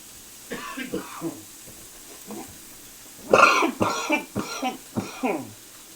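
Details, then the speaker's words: Harsh, rough coughs and throat-clearing in two clusters with a slightly rattly quality; self-described smoker's cough while cooking steak and potatoes. "Yeah, there we go. Ignore my smoker's cough."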